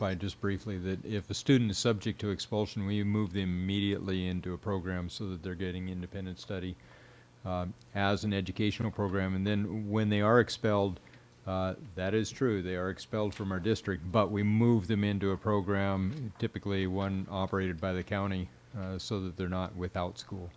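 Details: Adult man speaking; Normal speech.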